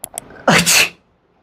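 Two quick inward catches, then one loud explosive sneeze that fades quickly; an ordinary single sneeze.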